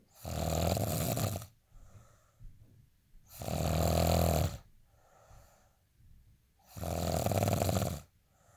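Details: Person asleep: loud, rattling snores on each breath in, about three in eight seconds, with quieter breathing out between them; snoring.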